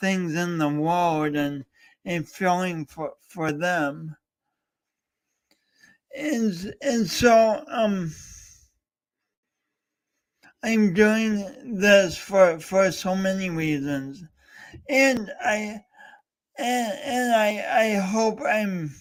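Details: Adult male host with a speech impediment, coached for years, talking live during a three-hour talk-a-thon. Finding: speech impediment (stuttering-like disfluency).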